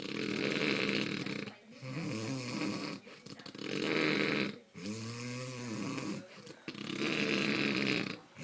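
Loud, rough, rattling snores on each breath, about 18 breaths a minute, with short quiet gaps between them. Heavy snoring.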